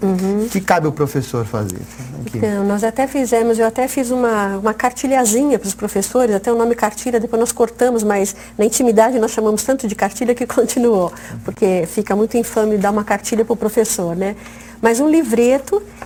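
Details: Adult woman speaking Portuguese; normal speech.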